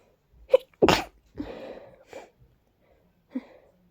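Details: Big, messy, hard-to-stifle sneezes from a person who felt congested and tickly: a sharp sneeze and a louder forceful burst, then a breathy follow-through and a smaller final sneeze in a quiet room.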